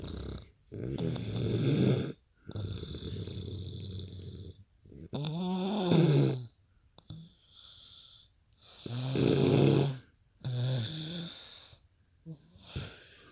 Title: Best snoring you ever heard!